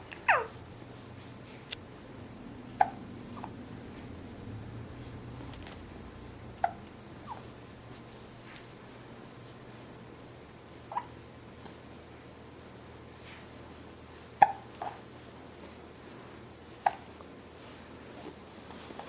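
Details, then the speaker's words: Small pet turtle with hiccups: faint, brief clicks recur at irregular intervals, about seven in nineteen seconds, against a low room hum; hiccups. "You got the hiccups?"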